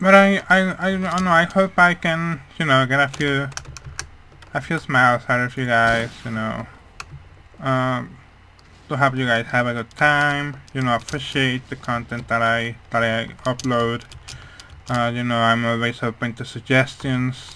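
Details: Speech of a man with hearing loss, which he says mainly causes how his voice sounds, rather than his accent.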